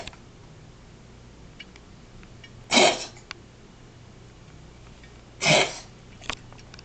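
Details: A cat gives two short, harsh, noisy bursts a few seconds apart, like dry coughs or forceful expirations; the owner is unsure whether it is a cough or wheezing.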